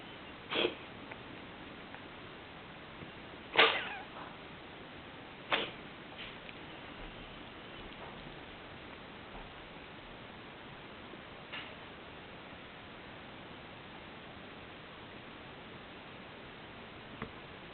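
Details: A Snowshoe Siamese cat making a few short, sharp, sneeze-like bursts spaced irregularly over a quiet background hiss; sneezing.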